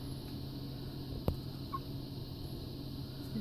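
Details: Premature baby hiccups: a single soft, sharp hiccup over steady low room hum.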